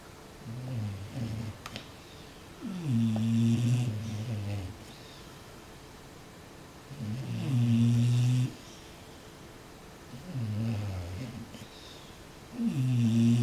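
Loud, low, rattling snores with each breath, about 12 a minute, with quiet pauses between.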